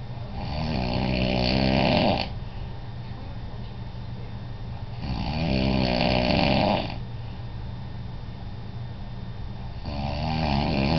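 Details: Adult man (father) asleep, with loud rattling snores on each in-breath, about 3 in 11 seconds, and quieter breathing out between: ordinary snoring during sleep.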